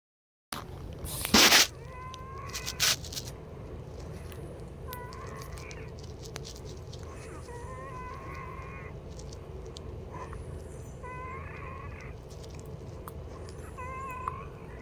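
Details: Patient (she) wheezing around 1:00 AM on June 20, half an hour before a scheduled arformoterol and Pulmicort 0.5 mg breathing treatment; high, whistling musical tones recur with breaths over steady room hum: wheezing.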